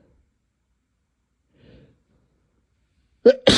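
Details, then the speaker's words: Sneezing amid repeated snorts, coughs and throat clearing, described as very tickly and intense. "These sneezes are just so tickly right now."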